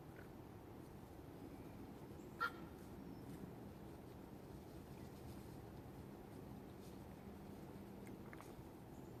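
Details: Against steady low background noise, a female duck gives one brief, sharp, cough-like sound. She has made it on and off for about a week but otherwise seems normal: eating, drinking, quacking, not lethargic, no runny eyes, laying eggs. Cough-like sound.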